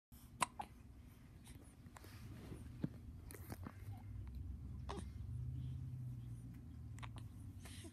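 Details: Hiccups: several short, sharp hiccup sounds at irregular intervals over a low room hum, with faint background talk near the end.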